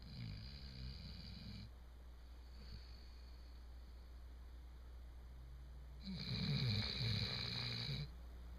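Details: Chocolate Labrador snoring, a habit since puppyhood: low rattling snore in two bursts with quieter breathing between and steady room hum; snoring.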